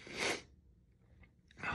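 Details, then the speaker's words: Person with itchy nose attributed to allergies: a sharp, breathy burst, a quiet pause, then the start of another burst, amid repeated sneezing; sneeze. "goodness excuse me oh wow oh my goodness excuse me just oh my goodness oh my god my allergies are crazy today oh my goodness excuse me"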